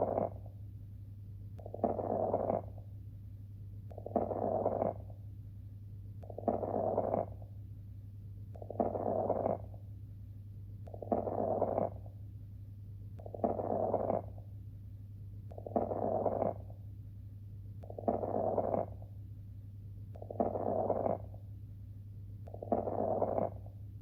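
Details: Fine crackles heard through a stethoscope over regular breath sounds, timed within the breathing phases.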